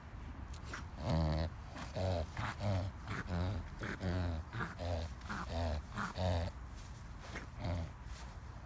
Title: Reverse Sneezing